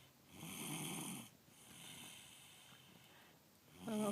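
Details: Child asleep in a vehicle on the way home from school: a few rough, noisy snoring breaths, with low room and vehicle noise behind.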